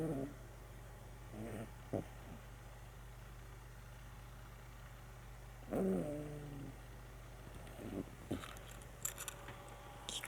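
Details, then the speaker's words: Sleeping dog snoring while pressing its nose against something: faint, irregular nasal snorting snores over a steady low background hum. "ちかちゃん、お花を押し当てて寝るのでいびきをかくのです。"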